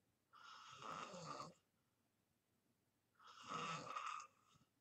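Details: Adult sleeping deeply, recorded as ASMR: two loud, raspy snores on inhalation about three seconds apart with quiet pauses between; ordinary sleep snoring.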